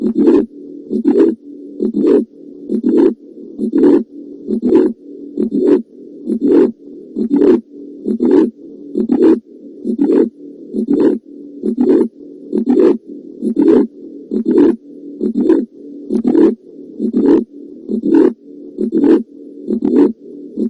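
Regular heartbeats at about 67 a minute, each with a sharp sound over a harsh, rushing noise that fills much of every cycle. This is a heart murmur: turbulent blood flow heard through the stethoscope alongside the normal heart sounds.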